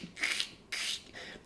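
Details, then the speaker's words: Imitated pleural friction rub: creaking, grating rasps likened to footsteps on snow, heard in one localized chest spot during inspiration, associated with pleural inflammation; explained for respiratory therapy breath sounds. "you hear that in a very centralized localized spot okay one area on the chest during inspiration that's called a plural friction rub and it's associated with inflammation of the pleura"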